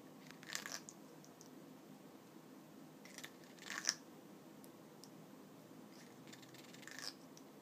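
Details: African grey parrot grinding its beak before sleep; brief dry scraping and crunching bursts, a normal sound of a relaxed, sleepy bird; beak grinding.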